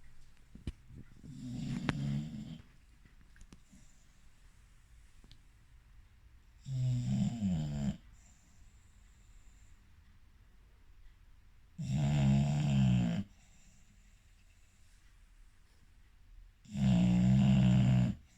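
Four loud, low, rattling snores about five seconds apart, roughly 12 a minute, with quiet breathing between them. Plain snoring.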